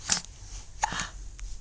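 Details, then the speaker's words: One-month-old baby girl who often gets hiccups: two or three brief, sharp hiccup sounds over about a second and a half, with faint room noise between them. "oh baby you get the hiccups oh no she always gets the hiccups let me take them let's hear another hiccup"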